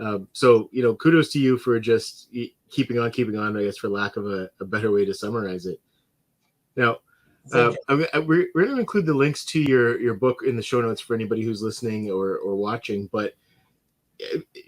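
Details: Adult man; ordinary speech.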